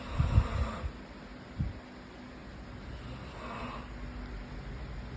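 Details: Snoring: a low rumbling snore on the in-breath, followed by quiet breathing and a softer second breath.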